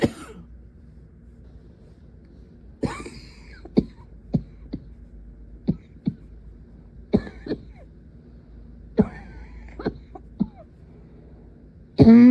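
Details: Young woman's persistent night-time coughing fit, muffled with her face pressed into a pillow: about ten short coughs in repeated bursts with some throat clearing.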